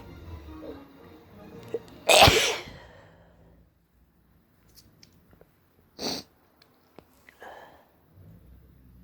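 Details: One loud sneeze, then a shorter sneeze-like burst and sniffing, with quiet background music; some sneezes induced, some not, with itching; hay fever or cold sneezing and nose blowing.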